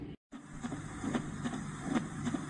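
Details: Steady heartbeats at about 75 a minute, with a whooshing murmur over a continuous rushing background: a heart murmur.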